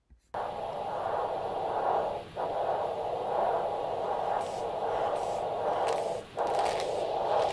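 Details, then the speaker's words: Handheld ultrasound Doppler at the radial artery (probe at base of thumb, cuff on forearm) in a patient with a ventricular assist device, for blood pressure: continuous alternating whooshing arterial flow without clear beat-to-beat pulses. "if you have difficulty hearing the sound adjust the position of the ultrasound head until the alternating whooshing sound is heard"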